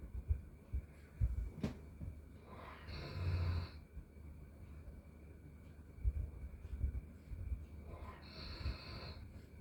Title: Snoring beauty #shorts #doberman